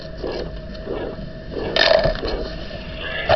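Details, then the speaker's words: Teaching example of aortic stenosis: a repeating harsh systolic murmur that swells and fades with each beat, the crescendo-decrescendo shape from the rising then falling left ventricle–aorta pressure gradient. "Thus, we have the crescendo-decrescendo shape, which is a term borrowed from music in which a sound gradually increases in volume and then decreases in volume. Here's an example of such a crescendo-decrescendo murmur of aortic stenosis."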